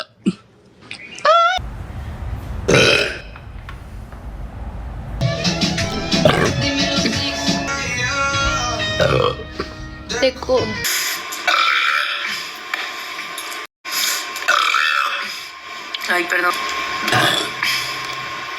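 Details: Compilation of a series of loud, ordinary burps with background music and brief Spanish talk: burping.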